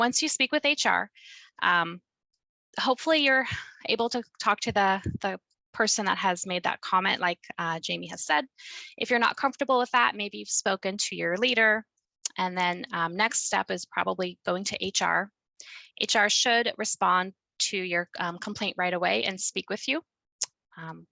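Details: Adult woman speaking; typical fluent speech.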